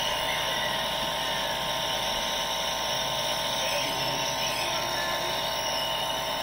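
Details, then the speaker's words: Newly unboxed handy home nebulizer compressor switched on and producing mist: steady, continuous mechanical hum and hiss, running normally. "Wow yan umuusok siya [Palakpakan] yan Ayun may usok siya guys ayan yan Okay naman gumagana siya"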